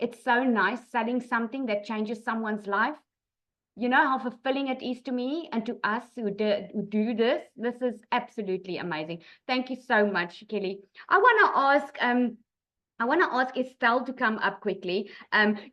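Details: Adult woman; Normal speech.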